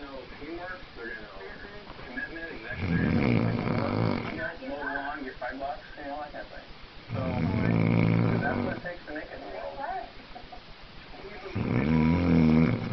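Loud, rough, low rumbling snores recurring about every four seconds, roughly 14 a minute, with quieter breathing between them: snoring.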